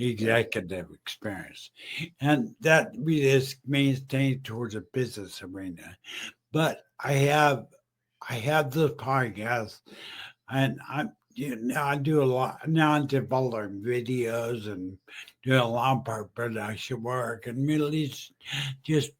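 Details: Aphasia with word-finding difficulty and repetitions in a male stroke survivor with a speech deficit since his stroke; he was once mute and has used a wheelchair for about 15 years.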